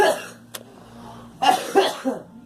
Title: Girl coughing